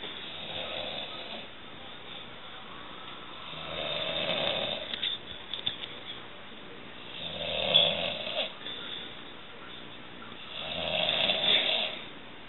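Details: A man snoring during sleep: rough, rattling snores on the in-breath, about 18 a minute, with quieter breathing between them.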